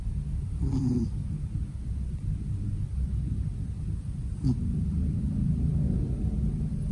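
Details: Black-and-white tuxedo cat sleeping belly-up gives steady low rumbling breaths with two brief higher-pitched squeaks; cat snoring.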